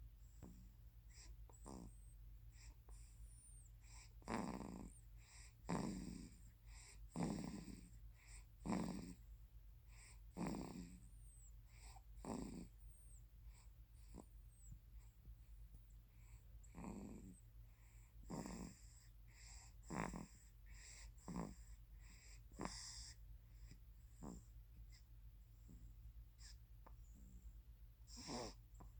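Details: A sleeping 3-month-old baby snoring: soft, regular breaths, about 40 a minute, over a steady low hum.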